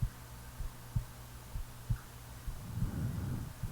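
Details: Real recording of a person sleeping: soft, low heartbeat thumps at about 64 a minute under a steady hum, with snoring breath noise; a normal resting heartbeat.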